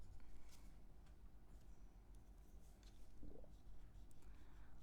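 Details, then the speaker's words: Stomach growling (borborygmi) audible while a person is coloring. "That's my stomach. If you can hear it. My stomach likes to make noises."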